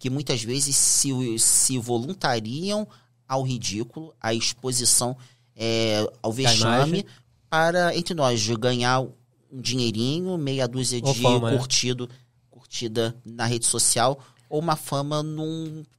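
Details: Adult man who stutters, reporting his stuttering worsens under stress and that certain words were hard for him in school; stuttering.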